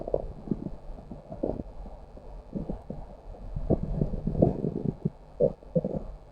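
Low gurgling, bubbling rumbles coming in irregular bursts, ordinary stomach growling.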